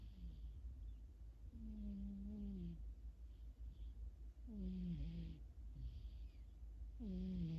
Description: My cat snores, dreams